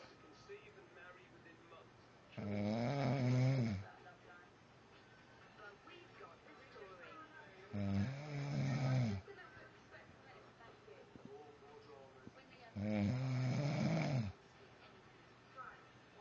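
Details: Husband's heavy snoring: loud, deep rumbling snores on each breath in, about three in fifteen seconds, with quiet breathing between.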